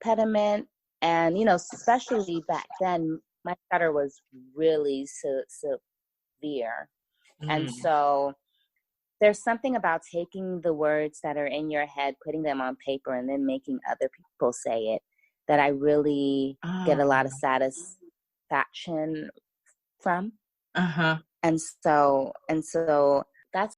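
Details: Stuttering in an adult woman writer who says she has a stutter that listeners may hear.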